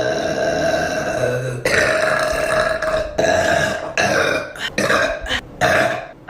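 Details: Burping compilation: a run of long, loud, rumbling burps, one after another with short gaps.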